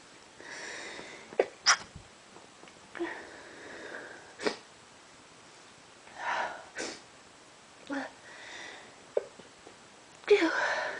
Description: allergies again lots of sneezes kept coming, i tried to stifle some but they were so strong i couldnt control and sometimes it was too hard to hold back.